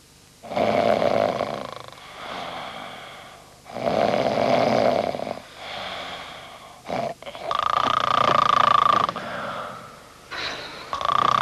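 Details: Simulated snoring by an actor in a 1979 French Epéda mattress advert: loud, drawn-out rasping snores with whistling notes on the breath out. Heavy snoring.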